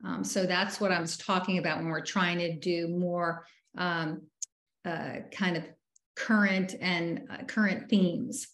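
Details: Member of a group of people with aphasia, speaking at a virtual aphasia conference; aphasia.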